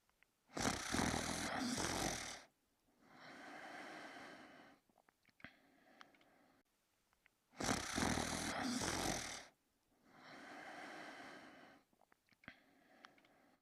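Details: Two sleepers snore: two cycles of loud, rough, rattling snores on breathing in, each followed by a softer breath out, about 9 breaths a minute; snoring.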